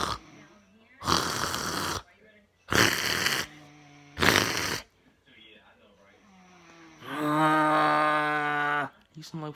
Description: HELP ME comment down below if he will make a earthquake with his snoring 💤 f